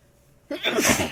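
A sharp in-breath followed by one forceful, explosive sneeze.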